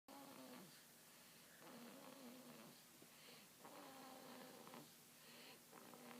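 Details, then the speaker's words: Baby girl, tired after a long day, asleep with soft slow rhythmic snoring, about 15 breaths a minute, gentle whistling tone on each breath; infant snoring. "you hear that she snores it's been a long day today show tuckered out"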